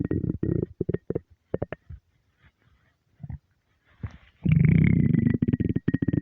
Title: starving stomach rumbles